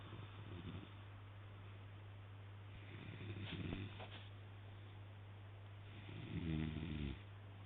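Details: Sleeping man snoring really loudly: two rattling snores over a steady low electrical hum.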